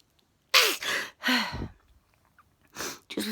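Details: Adult bedtime sneezing fit, with jaw spasms noted. A run of explosive, hissing sneezes with sharp onsets, about four in three seconds.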